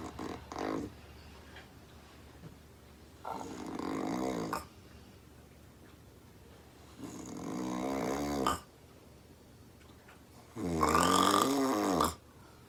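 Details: Three loud, rough, rattling snores on inhaled breaths, about four seconds apart with quiet pauses between, from a woman asleep on the couch; heavy snoring audible across the room.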